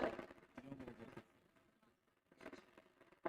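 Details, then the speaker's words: Laryngeal EMG during phonation from a normal vocal fold in a voice-disorder workup: dense crackling static bursts of many motor unit potentials, a full recruitment interference pattern. "so um I am going to show you the recruitement patent this is a full recruitement"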